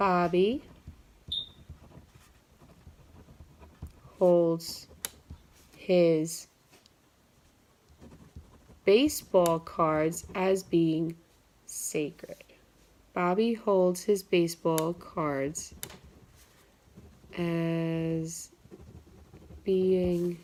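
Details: Simulated, acted stuttering in a therapy role-play, with pauses and blocks between words; stuttering.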